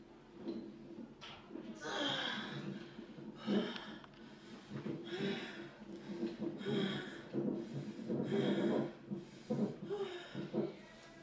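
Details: Newborn baby boy crying on the day of his birth: about seven short, breathy, sputtering cries with quick gasping breaths between them.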